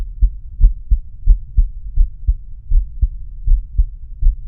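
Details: Male heart auscultated with stethoscope diaphragm: steady low thumps at about 86 beats a minute with a faint hum; normal heart sounds.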